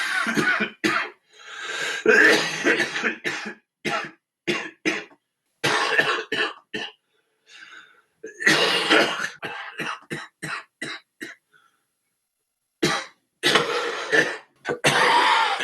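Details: Coughing compilation from an adult smoker; repeated harsh coughing bursts with throat clearing, separated by short pauses, forming coughing fits, faint music in places.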